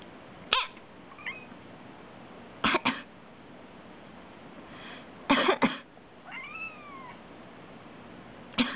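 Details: Short, deliberately faked dry coughs in small groups by the cat's owner, answered by a black cat's soft chirp and a clear meow; voluntary cough.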